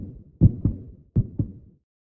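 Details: Regular paired lub-dub heart sounds from a baby's heart, about 80 beats a minute.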